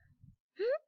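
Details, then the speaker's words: Patient with inspiratory stridor and respiratory distress signs (intercostal, subcostal and sternal recession), indicating supraglottic obstruction; inspiratory stridor. "this is another example of a patient presenting with inspiratory stridor and you would be able to see signs of respiratory distress such as in the costal recession as well as subcostal and sternal recession"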